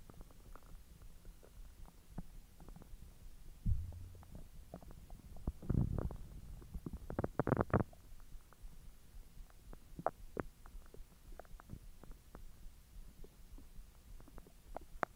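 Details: Bowel sounds recorded after eating hotdogs following 10 hours with a completely empty stomach: low gurgling and rumbling with scattered clicks and a few louder surges of digestion.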